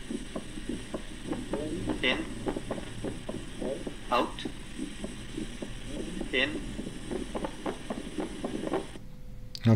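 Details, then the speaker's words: Split second heart sound varying with inspiration and expiration: regular heart sounds with the second sound split into two close components, changing across breathing. "Split second heart sound. In. Out. In. Out. In. Once again. In. Split second heart sound."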